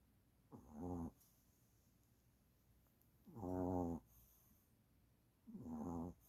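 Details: Buckets, a sleeping dog, snoring: three rattling snores at steady intervals, about 20 breaths a minute, with quiet pauses between.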